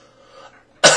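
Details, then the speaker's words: Adult man, new vaper, gives one short, sharp dry cough with no wet rattle after a faint murmur of voice; he says it is probably his only real cough of the day. "But you know what? Did you hear that cough? That's the first time and probably the only time I'll really cough today."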